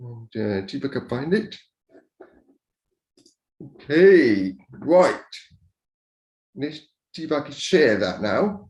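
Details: Speech of an adult man deaf from birth, raised to speak rather than sign, who wore hearing aids for years and now uses a cochlear implant; deaf speech.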